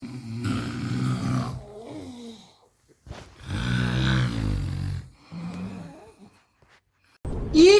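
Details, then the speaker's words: Friend deeply asleep in a hotel room in Arunachal in the morning, keeping the speaker awake: loud, irregular, rough rattling breaths with gaps between them; heavy snoring. "आज मुझे कहना है कि किसी को ऐसे कमीने दोस्त ना मिले जो साला सुबह : बजे खुट नाक बजा बजा कर घोड़ा बेच के सो रहा है लेकिन मेरा नींद हराम कर रहा है"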